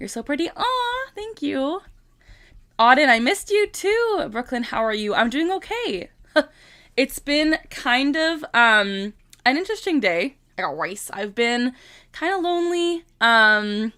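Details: Vocal tic in a 25-year-old woman with Tourette syndrome, tics since about age 3 and diagnosed at 12; a repeated tic phrase is said aloud mid-sentence, interrupting ordinary speech.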